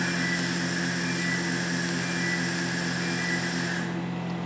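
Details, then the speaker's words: Er:YAG solid-state dental laser preparing a front incisor for a filling without a drill: steady water-spray hiss with an even crackling pulse of about four a second, stopping at the end. "The laser is now active and we start preparate the incizer."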